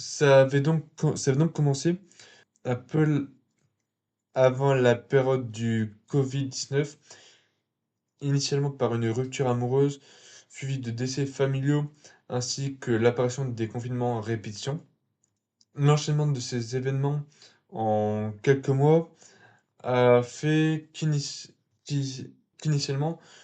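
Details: 22-year-old man speaking French, stuttering since early childhood after a slight speech delay, followed by a speech therapist and using filler words and fluency techniques; stuttering.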